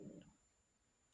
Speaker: Eat in a second if you can hear my stomach growling.